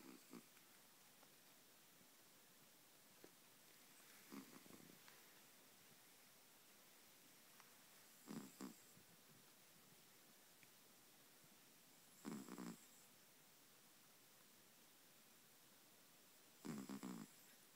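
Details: Sleeping cat, soft brief snorting snores about every four seconds, roughly 14 breaths per minute, in a quiet room; snoring.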